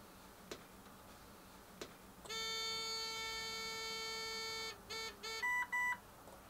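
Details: Ventilator operational self-test: two soft clicks, a long steady electronic tone, short tones and two higher beeps.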